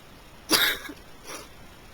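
A single sharp, hissing sneeze burst followed by a softer exhalation.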